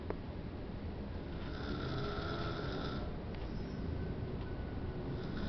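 Continuous low rumbling breathing noise during sleep with a rougher stretch in the middle; snoring.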